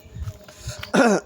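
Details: A single short, loud, voiced throat clear from an adult man with a hoarse voice, after faint low background thumps during an outdoor morning walk.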